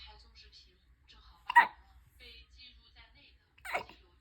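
Two sharp, brief voiced catches about two seconds apart over faint background talk; hiccups.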